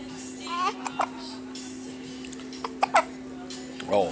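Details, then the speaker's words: Infant boy with hiccups, awake late at night after 10 pm: short, abrupt high little catches a few seconds apart over steady background hum. "listen I know the hiccups are bad but they'll go in about 10 minutes or so they will they will I"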